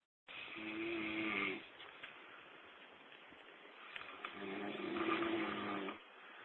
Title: The Big Snore